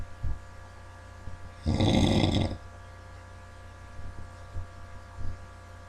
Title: Snoring Bandit